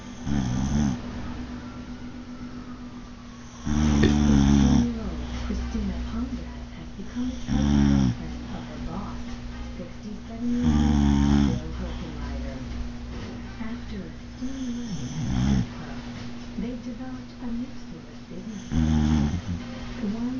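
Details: Boxer dog snoring: deep, rattling snores at about 18 breaths a minute, with music playing in the background.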